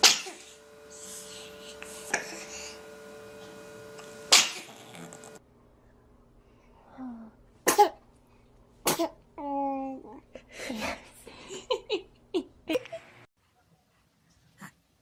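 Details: Baby; several small, sharp sneezes with soft vocal sounds between them over light background noise: ordinary infant sneezing.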